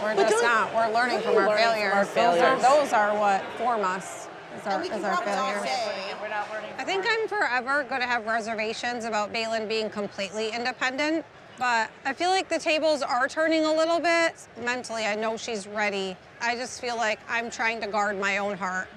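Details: Adult woman speaking; no disorder.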